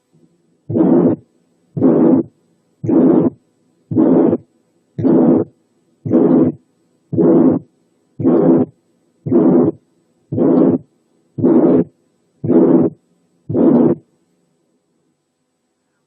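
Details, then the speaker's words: Long ejection systolic murmur approaching a pansystolic sound, hard to distinguish from one; regular heartbeat near 57 a minute with a long harsh murmur filling most of each beat. "وفي الأحوال دي التفرقة ممكن تكون صعب ما بين الإيجكشن والبانسيستوليك ميرمر."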